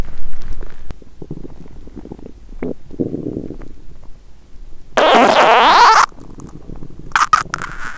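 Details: Woman on day 1 of a 7-day fast, taking only water that day: gurgling rumbles ending in a loud, long, squeaking growl; hunger-related stomach rumbling (borborygmi).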